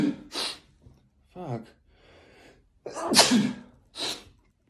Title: covid test sneezes